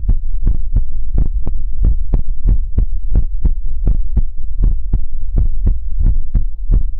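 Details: Heartbeat sounds in a Chinese ASMR livestream: steady, deep low thumps at about 170 a minute, evenly spaced, with a soft background hum; a rapid regular heartbeat.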